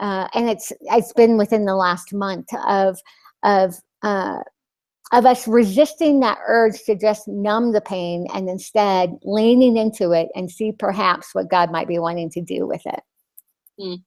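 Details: Adult woman with a lisp after glossectomy (loss of her tongue); she says the lisp is very obvious to herself and others.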